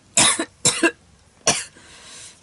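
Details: Cough from an adult with a history of asthma whose condition has recently worsened, leaving them barely able to speak.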